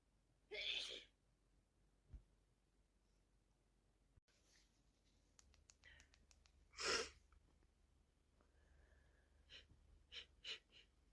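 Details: Person with a severe head cold: two loud sneezes with sniffing and nose noises between them in a quiet room; sneezing.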